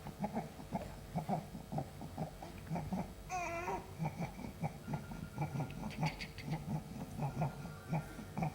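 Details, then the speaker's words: Rapid, harsh, low-pitched crowing on each breath in from a newborn, worse with feeding, with intermittent tachypnea and suprasternal recession: upper-airway inspiratory stridor from laryngomalacia, which resolved by 6 months. "So that's an inspiratory sound which is coming from the upper airway. So that's stridor. So what does this baby have? Yes. So this baby has laryngomalacia."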